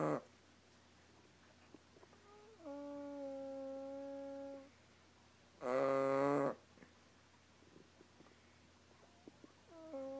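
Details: Drawn-out, buzzing, whistle-like snores with a raspy, fart-like quality from a sleeping dog, with quiet gaps between them.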